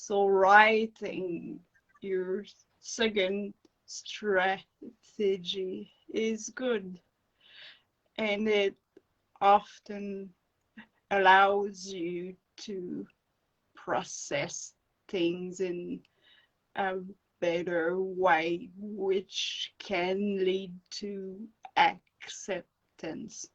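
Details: Adult woman with acquired brain injury from encephalitis and an anaesthetic-related injury; non-fluent aphasia, with slow, broken speech and dropped words when fatigued.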